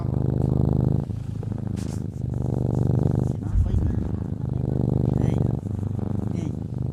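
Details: Cat sleeping soundly and snoring: soft, rumbling, buzzy breathing in a steady rhythm, gentle snoring close to a purr.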